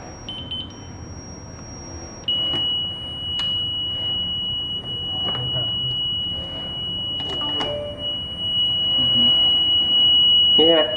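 Short beeps give way to a sustained high electronic tone as a defibrillator charges to 30 joules for a test.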